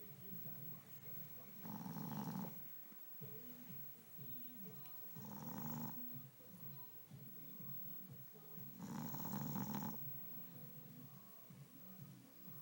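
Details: Three rough, rattling snores about every three and a half seconds, roughly 17 breaths a minute, over quiet room noise; snoring during sleep.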